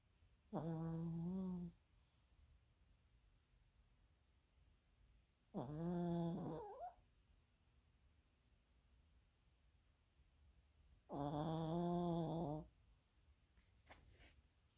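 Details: Snoring recorded during sleep: three low, droning snores about five seconds apart, roughly 11 breaths a minute, with quiet between.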